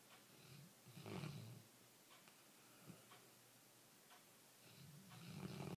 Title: Titan snoring